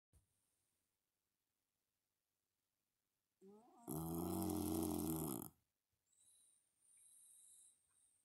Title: Snoring Dog